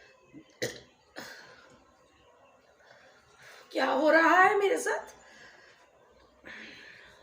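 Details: Woman in the morning attempts a burping challenge after a small drink of Thums Up cola, with a hoarse throat; brief mouth noises, then one loud, drawn-out voiced burp of about a second and a softer breathy sound after.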